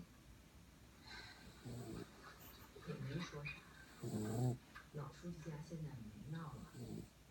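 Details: Sleeping dog snoring: soft, irregular, low snuffling breaths with some louder grunting snores, about 45 a minute.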